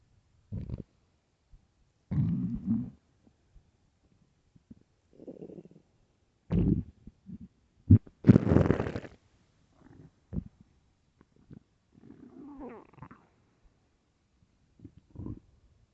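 Loud, irregular gurgles and low rumbles from an empty stomach; ordinary hunger growling.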